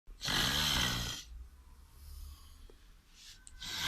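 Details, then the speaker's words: Adult man (husband) snoring during sleep, recorded over four years and mixed to music: one loud rattling inspiratory snore, quieter breathing, then a second snore beginning. "filmando a mi marido cada vez que roncaba por 4 años, mezclándolo de una forma especial."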